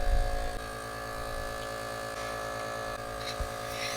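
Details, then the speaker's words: Philips Respironics aerosol delivery system (nebulizer) compressor running during a teardown with a small tip attached, giving stronger airflow: a steady electric motor hum with a constant whine as air is pushed through the small tip. "Yeah, it's strong. I can feel a good amount of air from that."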